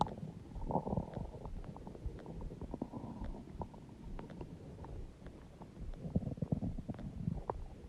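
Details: Loud stomach growling (borborygmi): continuous low gurgling and rumbling with scattered bubbly pops and clicks.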